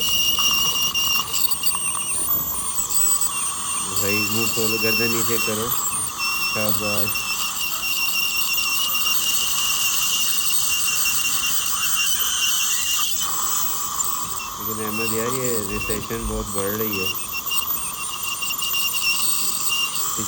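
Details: Steady high-pitched whine with hissing water spray and intermittent squeals from an ultrasonic scaler during professional teeth cleaning, vibrating off plaque, calculus, tartar and stains from tooth surfaces on a live patient; ultrasonic dental scaler.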